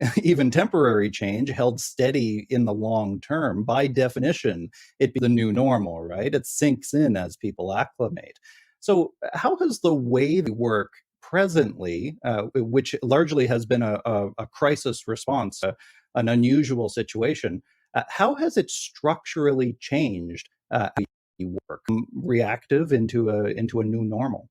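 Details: Adult male speaker; normal voice.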